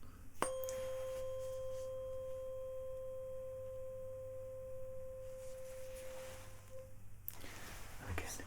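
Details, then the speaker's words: Simulated cranial nerve exam roleplay: a tuning fork placed mid-forehead for a Weber bone-conduction test rings a steady pure tone fading over about seven seconds; the patient hears it more or less the same on both sides. "I want you to tell me does it sound the same on both sides okay we can do this a couple of times all right okay until it sounds the same roughly on both sides or one side very loud compared to the other"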